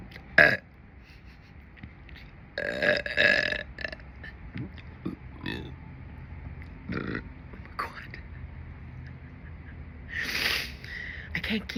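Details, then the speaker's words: Repeated deliberate loud burps separated by quieter gaps, with faint room noise; belching. "seems you liked my recent burping calvalry the fuck was that at the end sound like a little hiccup attached to the burp what was that"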